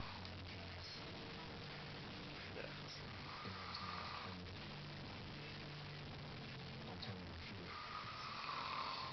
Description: It sounds like he's gargling balls